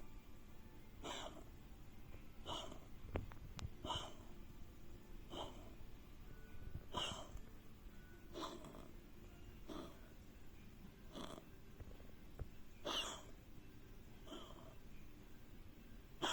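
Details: Canadian Sphynx cat coughing for six months: about ten harsh, snorting bursts over sixteen seconds. Antibiotics for bronchitis and deworming did not help; heart ultrasound and lung X-ray normal; latest diagnosis bronchial asthma, and the inhaler has not helped.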